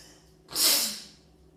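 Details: Single sneeze while sitting: a hissing burst of air with quick onset and fading tail, a soft, breathy sneeze.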